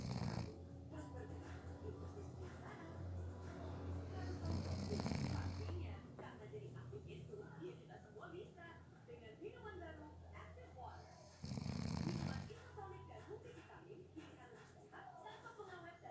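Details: Snoring during a nap, from someone said to have fallen asleep within 30 seconds: loud, rough snores roughly every seven seconds over quieter room noise and distant voices.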